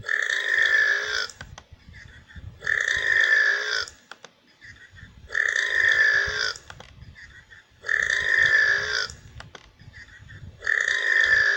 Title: Burps compilation 24